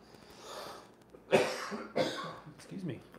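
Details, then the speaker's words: Adult coughing fits during a live broadcast; the speaker says the coughs come from acid reflux attacks that cause fits lasting about 5 minutes. "Sorry for the coughs. I get these acid reflux attacks where I just have these coughing fits for like 5 minutes."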